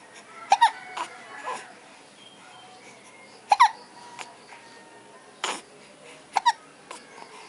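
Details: Infant's first hiccups: short, sharp, high-pitched catches recurring about every three seconds, some doubled, in a quiet room; hiccups.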